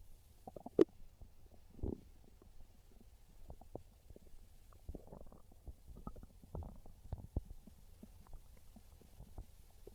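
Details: Scattered soft gurgles and short rumbles over a quiet background from a hungry person's stomach: ordinary hunger stomach growling (borborygmi).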